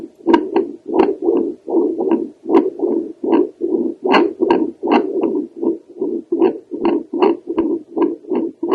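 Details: Doppler heart sounds from a female over the aortic valve: pulsing, somewhat uneven whooshing flow sounds at about 77 a minute.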